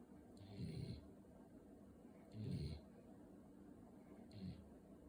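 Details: Sleeping puppy snoring: soft, low snuffling snores, about three in five seconds, over faint room noise.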